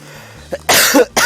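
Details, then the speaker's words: Adult streamer who is still coughing gives a short, harsh cough of two bursts over a faint low background hum. "because I'm sure you can hear her here based on that I'm still coughing"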